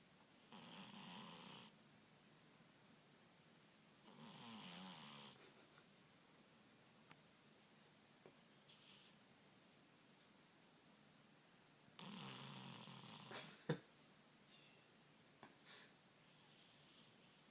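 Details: Soft, irregular snoring breaths with quiet pauses and faint room noise from a sleeping cat that sounds like a human snoring and does not wake when called.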